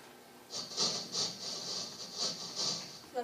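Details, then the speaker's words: Simulation of speech heard through a cochlear implant, played through its different channels: high-frequency sounds are filtered out and speech sounds low. "so you can see how the high frequency sounds kind of get filtered out it also sounds so low"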